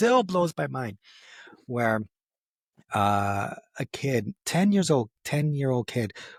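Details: Adult man who has stuttered since age 4, lets his stutter happen openly rather than hiding it, and says it goes up and down; stuttering.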